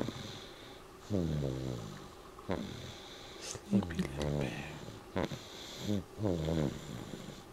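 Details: Snoring during sleep: irregular snorting, whistling snores with squeaky voiced breaths, roughly 23 a minute.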